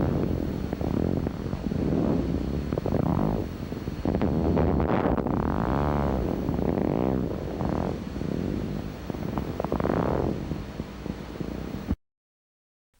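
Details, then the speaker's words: Needle EMG teaching recording of myotonic discharges producing the dive-bomber sound, which suggest a myotonic syndrome until proven otherwise. "If myotonic potentials are recognized by the needle EMG test, the patient is considered to have myotonic syndrome until proven otherwise. Only a few other diseases show myotonic potentials on the needle EMG."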